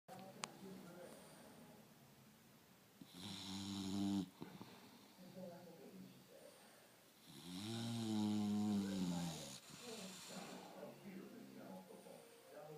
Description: My English Bulldog snores so loud you have to turn tv volume up